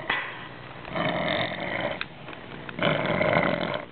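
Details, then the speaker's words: Boy who normally breathes very shallowly, breathing deeply into a carbon dioxide rebreathing mask with bag, given for 30 seconds every 3–5 minutes: noisy, rough breaths with hissing airflow, swelling and fading. "you can see with the bag he's breathing deeper"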